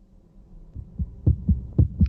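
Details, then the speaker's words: Low thumping heartbeats, faint then clearer, paired beats about every half second with a low hum behind, played in a physiology class as an example of a normal heart rhythm and rate. "la frecuencia cardíaca que tenga una si es un ritmo normal funciona normal miremos est No aquí sí latidos del"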